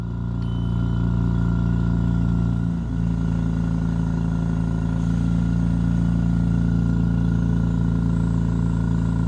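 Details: Steady low motor hum of a refurbished home oxygen concentrator running, tested with a CY-12C oxygen tester and flow meter; purity reached about 94% at 4 liters per minute, and flow was checked up to 10 liters per minute.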